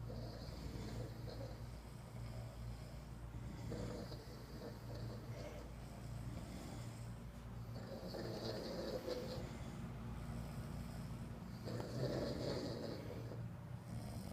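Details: Four people snoring at once: overlapping low, rumbling snores from several sleepers over a steady room hum, rhythms blending together; snoring.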